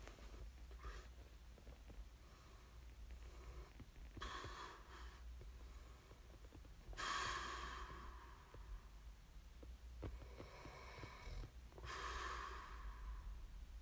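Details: Soft, rough breathing noises during sleep repeating every few seconds, with snorting on some breaths; snoring.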